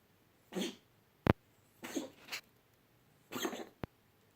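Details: A pet animal gives a short coughing fit of about four harsh, breathy coughs with brief pauses.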